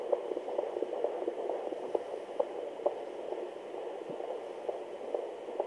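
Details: Fetal doppler recording: rapid whooshing fetal heartbeat near 130 a minute with louder knocks from fetal hiccups every 2-5 seconds; fetal heartbeat with fetal hiccups.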